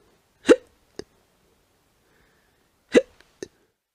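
Two sharp, abrupt hiccup-like gulps about two and a half seconds apart, each followed by a small click; hiccups from a sound-effect recording.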